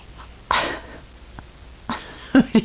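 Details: Several short, sharp bursts of air through the nose, fitting sneezes, with faint room noise, while someone talks to the sneezer about wipes; the episode is described as hiccups.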